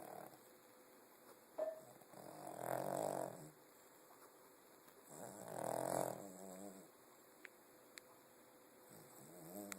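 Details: A sleeping dog snores with two long, rough snoring breaths about three seconds apart, with faint clicks and room noise between; it snores like this every day and night.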